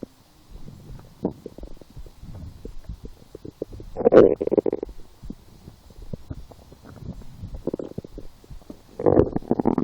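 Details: Stomach growling while lying down and hungry after skipping breakfast, a small lunch and two doughnuts four hours later: low gurgling, rumbling bowel sounds swelling into louder growls now and then.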